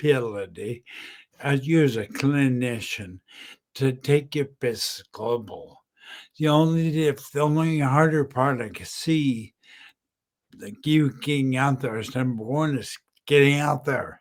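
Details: Adult man about 10 years after a stroke, totally unintelligible at first, with apraxia identified and speech still impaired; apraxia of speech with dysarthria.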